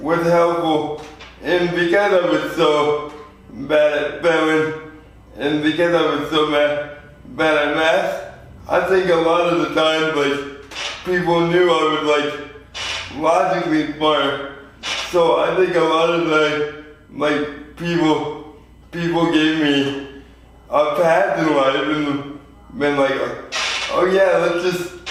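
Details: 24-year-old man with lifelong spastic quadriplegic cerebral palsy, born prematurely weighing 2 lb 4 oz; real patient; dysarthria (cerebral palsy).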